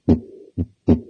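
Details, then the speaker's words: Teaching example of a diastolic murmur, described as always pathologic: heart sounds with a harsh blowing murmur after the second sound, filling early diastole, a harsh pound after S1 compared with a systolic ejection murmur. "this is diastolic can you tell the difference there almost that harsh pound after s1 so it's one boom boom"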